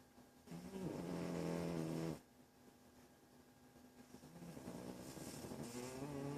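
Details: A cat in deep sleep snores: a loud droning breath, a pause, then a softer rising snore.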